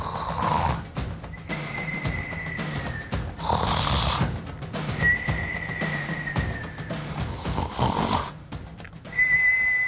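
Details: Adult male candidate for governor of Vargas, Venezuela, filmed asleep at a club and snoring; rough, rumbling snores about every three to four seconds over background music with a whistling tone.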